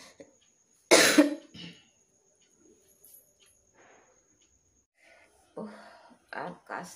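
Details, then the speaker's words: Real, non-simulated irritative dry cough: one loud cough, quiet breaths, then a run of short harsh coughs. Heavy cough without a cold after festival outings, with a tickly, hoarse throat, worse at night when lying down to sleep, and painful to cough. "কাশতেই ভালো লাগছে না, একটু আগে চা খেতে হবে, গলাটাও বসে যাচ্ছে। তারপর কাশলেও এগুলো পুরো ব্যথা করছে, ভালো লাগছে না।"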